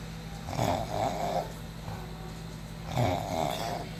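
Two loud, low, fluttering snores about 2.5 seconds apart over a steady room hum: ordinary snoring.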